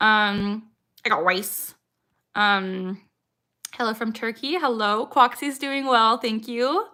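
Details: 26-year-old woman with Tourette syndrome, tics since about age 3 or 4, diagnosed at 12; her frequent "I got rice" vocal tic is involuntary, and she tics more when discussing Tourette's: vocal tic (Tourette syndrome).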